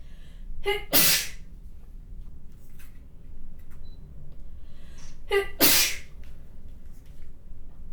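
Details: Sneezing: two spray sneezes, each a short voiced inhaled 'ah' followed by a loud explosive burst, in a quiet room.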